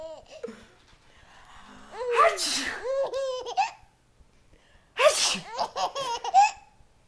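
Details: Two sharp, noisy sneezes, each followed by a baby's bright, bubbly laughter; sneezing.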